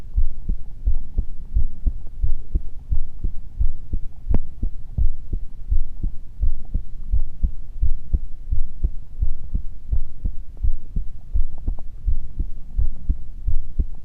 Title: 特に何も無い、ただの心臓の音。